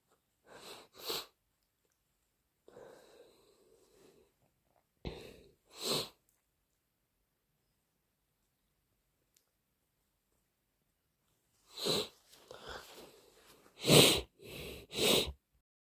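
Several forceful sneezes in quick runs, with a longer nose-blowing sound between them; allergic sneezing.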